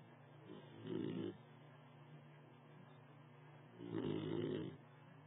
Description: Forrest, a 4-month old Basset Hound, snoring on dad's lap